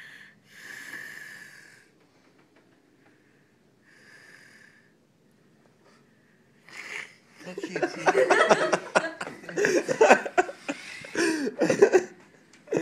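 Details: Sick, worn-out sleeper snoring: soft whistling breaths, then louder, irregular snorting, rattling snores in quick bursts.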